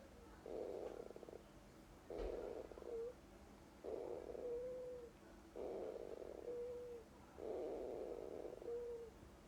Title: Munchie dream or snoring